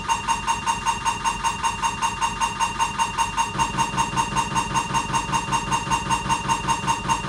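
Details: Siemens MAGNETOM Lumina 3 T MRI, abdomen protocol: loud steady rhythmic buzzing pulses with a high tonal hum, about 150 a minute, during a diffusion sequence.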